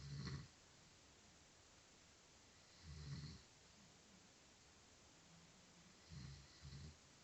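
Low, rough snorts recur at irregular intervals over quiet room noise, three snoring episodes in about seven seconds.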